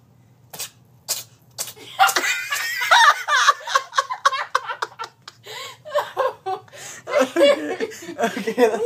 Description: Harry the cat is a sneeze machine